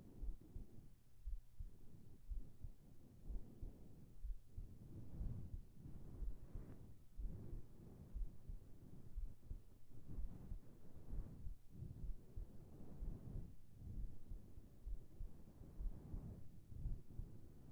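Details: Normal heartbeat in a sleep ASMR recording: steady, low, muffled thumps about 62 a minute, recorded close to the body.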